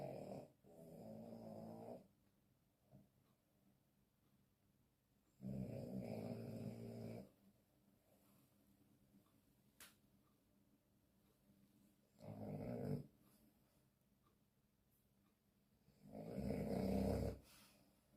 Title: frenchie dreaming #frenchbulldog #dogsleeping #dogsnoring #snoring #snoringasmr